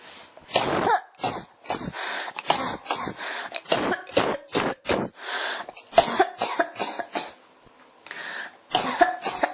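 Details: Repeated dry cough bursts with throat clearing, coming in quick succession and hardly pausing: a persistent cough that won't stop.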